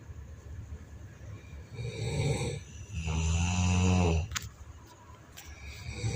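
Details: Two loud, low, rattling breaths, the second vibrating steadily for over a second, over background hiss; snoring.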